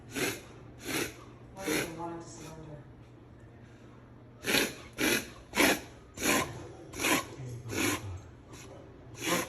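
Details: Alaskan Malamute with rapid, repeated harsh snorting inhalations; a vet diagnosed reverse sneezing, nothing to worry about, but also gave antibiotics and cough medicine for a cough issue.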